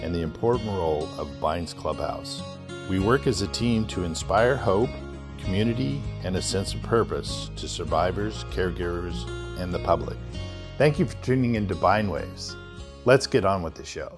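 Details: Adult male speaker; normal speech.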